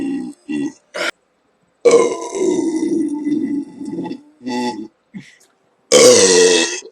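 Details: Burp compilation: several loud, voiced belches, some long and drawn out, with short gaps between them; the person remarks that it hurts.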